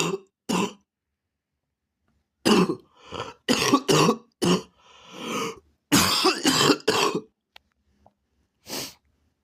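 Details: Adult coughing fit: repeated harsh cough bursts with short wheezy inhalations and a pause between clusters.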